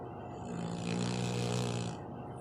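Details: A dog gives one low, rumbling snore lasting just over a second, with a soft airy breath around it: dog snoring.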